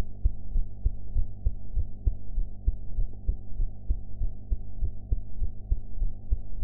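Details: Own heart sounds recorded after eating, quality enhanced: steady low thumping heartbeat, about 98 beats a minute, over a constant low hum.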